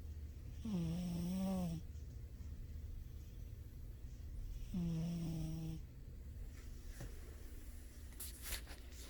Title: my cat snoring! turn up the volume! #cat #funnycats #silly #cat #cats #sleeping